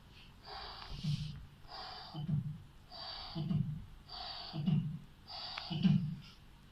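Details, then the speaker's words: Vocal imitation of a mitral regurgitation murmur heard at the apex: repeated blowing whooshes, each ending in a low thump. "المايترال ريجيشن بتسمع"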